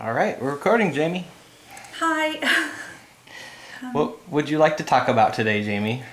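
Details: Adult interviewer; normal speech.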